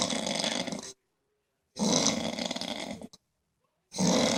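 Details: Loud, harsh, rasping snores about a second each with silent pauses between: heavy snoring after a long day of striper fishing.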